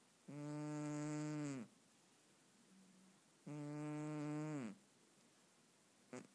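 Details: Sleeping pet cat snoring: two long, tonal, rattling snores on the in-breath about three seconds apart, quiet in between.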